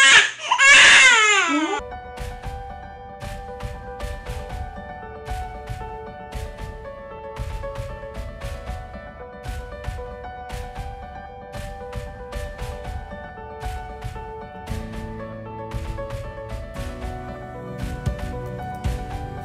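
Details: Infant colic crying: a newborn gives one loud, high, strained cry lasting under two seconds, followed by soft background music.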